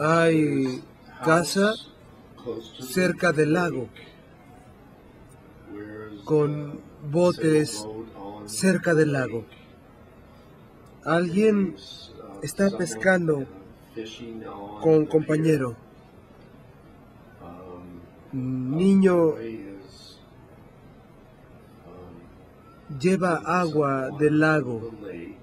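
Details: 57-year-old right-handed man with nonfluent variant primary progressive aphasia, symptom onset two years before recording, describing a picture, with no evident apraxia of speech: agrammatism in nonfluent primary progressive aphasia.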